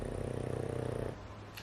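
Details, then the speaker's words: Pug dog snoring while napping in owner's lap, noisy snore sounds in background of indoor talk. "So, if you're wearing your earbuds and you're like, "What is that noise?" That's my dog snoring. He's a pug. So, they're noisy little creatures."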